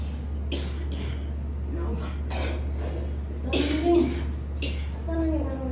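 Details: Several short, harsh cough bursts over a steady low hum from a 44- or 45-year-old woman whose cough and cold were attributed to back dislocation and rib misalignment, during a hilot massage session.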